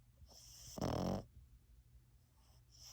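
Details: Sleeping French Bulldog–Boston Terrier mix (Frenchton) puppy: one loud, rough, rattling snore on a breath, then quiet breathing.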